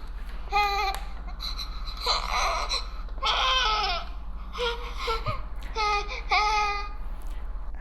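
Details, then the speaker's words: Infant discomfort cry starting with 'ah, oh' sounds, described as a tired, sleepy baby wanting to be picked up and comforted. "now the second sound of the cry started with ah oh oh so this me this means baby is sleeping baby wants to be picked up and he wants to be comforted in the bed he's tired and he's feeling sleepy"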